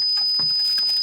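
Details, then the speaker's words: Simulated tinnitus recreated for real sufferers: a steady, thin, high-pitched tone rings throughout, like the constant ringing of hearing sound when no sound is present. "it's the hearing of sound when no sound is present it can be ringing or a consistent"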